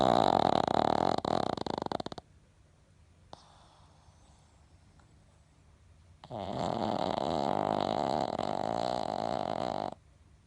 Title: Pekingese snoring loudly いびきがうるさいペキニーズ